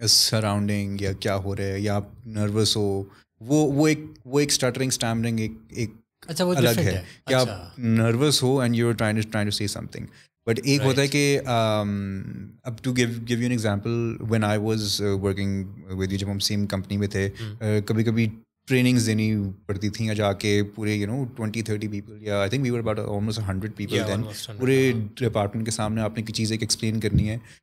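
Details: Adult male with stuttering (stammer), reportedly worse when he is conscious of it.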